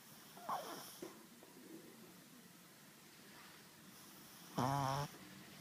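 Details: 4-month-old pug puppy asleep inside a jacket: a short snort, then a brief whistling, squeaky snore through the nose over faint background hiss; snoring.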